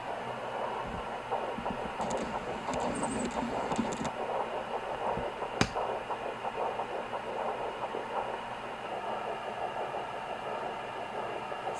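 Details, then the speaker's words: Fetal heartbeat on a home Sonoline B pocket fetal Doppler, pregnancy after stillbirth: fast rhythmic whooshing pulses, device reads 120 (not trusted), mixed with background swishing through steady hiss. "it's like really in the background and that's what it sounds like it's very fast it's mixed right now with another sound like i was saying earlier okay that's the heartbeat"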